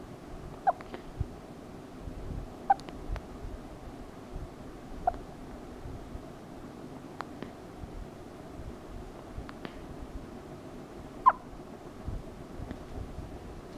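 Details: Loud hiccups: sharp, abrupt hiccup sounds at irregular intervals, about five in fourteen seconds, over quiet room noise.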